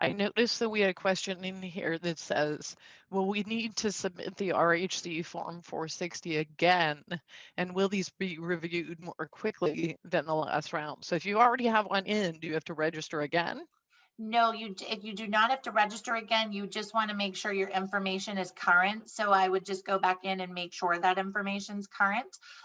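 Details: Man with spasmodic dysphonia, a neurological vocal cord disorder he says acts up; diagnosed a couple of years after 2001 through a telemedicine consult; he also has Duane syndrome, a neurological eye disorder; spasmodic dysphonia.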